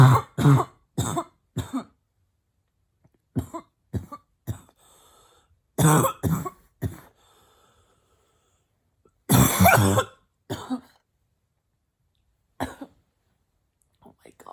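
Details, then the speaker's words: Adult female deliberately imitating a barking cough with mouth closed: short clusters of harsh, muffled bursts, with laughter; simulated, not real illness. "it's hard to keep my mouth closed when the coughs are so hard"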